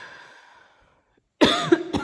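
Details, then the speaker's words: Single harsh, fairly wet cough from an adult asthmatic with COVID-19 (Delta variant), who reports congestion, runny nose, breathing difficulty, vomiting, weakness and tiredness. "a cough that a cough um obviously like weakness and tired and [Music] all that like the first couple days"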